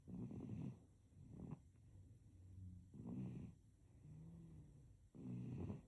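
Soft, rhythmic snoring with each inward breath, about 25 breaths a minute, during sleep; infant snoring.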